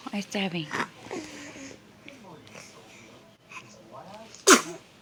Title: Red-eyed baby sneezes